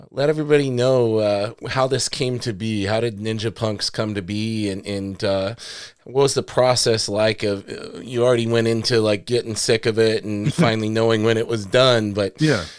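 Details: Adult male speaker; ordinary speech.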